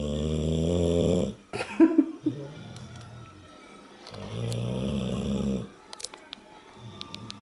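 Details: Deep, buzzing snores in a slow rhythm, separated by quieter breaths and small clicks in a quiet room; ordinary snoring.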